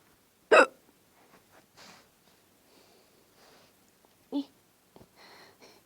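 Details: Person with hiccups talking to a cat to get it to sleep: two sharp, abrupt catches of breath a few seconds apart in a quiet room, soft faint sounds between; hiccups.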